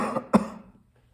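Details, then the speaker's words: Clinician demonstrates an airway clearance cough technique: deep breath, brief inspiratory hold, then three forceful voluntary coughs while flexing trunk and neck, heard as a quick run of coughs. "as you're coughing try to cough three times for me and then at the same time you're going to be flexing your trunk and your neck"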